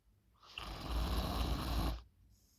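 One loud, rough, rattling snore on an in-breath, lasting about one and a half seconds.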